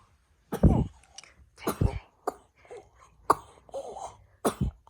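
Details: Person ill with a cough: a run of five or six harsh coughs with short gaps.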